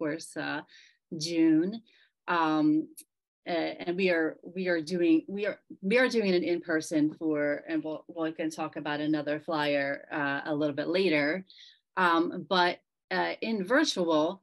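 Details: Member of a group of people with aphasia, speaking at a virtual aphasia conference; aphasia.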